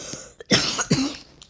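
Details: Two quick, harsh coughs in a small room from a person who is sick while getting ready for a trip to LA.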